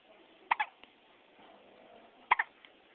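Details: Infant in the NICU with hiccups: two sharp, abrupt gulping bursts about two seconds apart, each with a quick follow-on catch.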